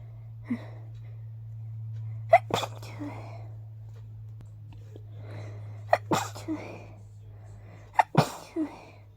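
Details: Three hay fever sneezes a few seconds apart, each preceded by a sharp intake of breath, over a steady low hum; a mild but very tickly sneezing fit.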